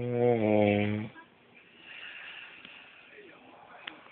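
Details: Person snoring: one loud rumbling snore on the in-breath, then quiet breathing with room noise.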